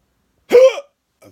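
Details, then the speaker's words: Adult with hiccups, thought to be from eating too fast; a single sudden, short voiced gulp in a quiet room, described as the weirdest hiccups ever. "Uh, well, that didn't work. Got the weirdest hiccups ever."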